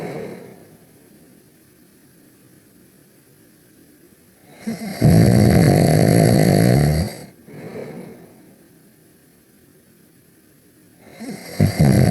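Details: Cartoon character Ruby (Max and Ruby) snoring during a nap: loud, rattling snore bursts on the in-breath separated by quiet pauses, from a cartoon replay.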